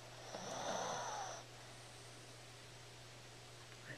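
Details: 13-year-old Shih Tzu dog asleep with head on keyboard, snoring: single raspy, whistling breath about a second long, then quiet steady low hum; small dog's snore.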